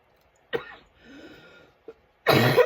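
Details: Cough from a woman still recovering from a recent illness: a short throaty cough with a brief breath in, another small cough, then a longer harsh burst; irritated-throat cough.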